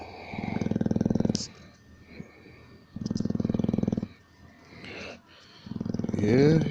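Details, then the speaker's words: Old English bulldog snoring in his bed as he does every night for years: loud, rattling, fluttering snores about a second long with quieter breaths between. "this is there every night and he's in his bed I'm in his bed so when wedding room looks so crazy it's a doggy room but this is all I hear here free every night for years it's just how it is"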